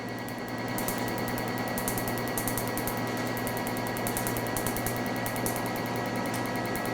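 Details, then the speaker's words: Tattoo-removal laser on the forearm: rapid repeated snapping clicks over a steady machine hum as the laser fires, with the ink turning whitish right away. "Donc vous voyez sur le moment d'abord la rapidité du tir et vous voyez tout de suite le changement de couleur de l'encre qui devient blanchâtre."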